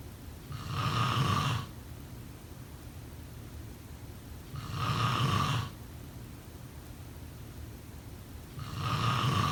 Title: Snoring sound …